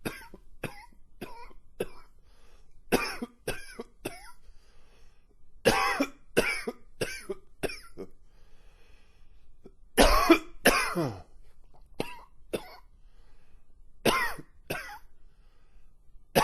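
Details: Long, wheezy coughing fit: about eighteen harsh coughs in clusters, several with a whistling, wheezy edge.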